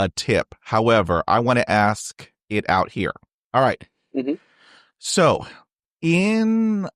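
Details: Real stuttering in an adult man who has stuttered since age 5 and had speech therapy on and off from grade school to college, heard in a podcast interview.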